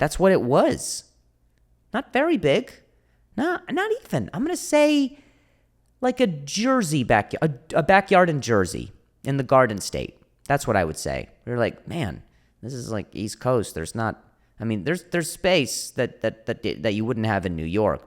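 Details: Adult male comedian who stutters (speech impediment), speaking on a podcast; repeated words; stuttering.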